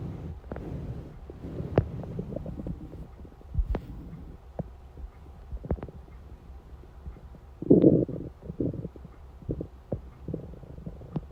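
Intermittent gurgles, squeaks and a longer rumbling growl from an empty stomach, normal hunger rumbling.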